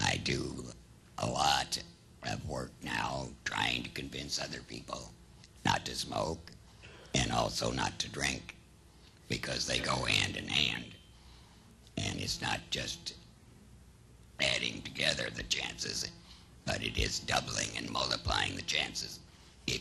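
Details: Adult man, laryngectomy seven years ago without chemotherapy or radiation, speaking with tracheoesophageal (puncture) voice.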